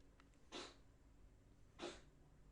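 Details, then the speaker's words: Two quick, sharp, hissing sneezes from a sneezing and coughing cat that needs a vet, in a quiet indoor room. "if you can hear the sneezing the coughing okay"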